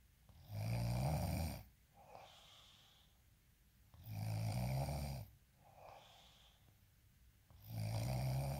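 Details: Loud, low rumbling snores on each in-breath alternating with quieter breathy exhalations, about 17 breaths a minute: ordinary snoring.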